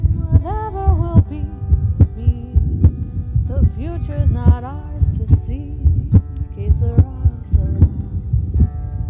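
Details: Heartbeat recording of a hospice patient: regular low thumps at about 71 a minute beneath an overlaid song with melody.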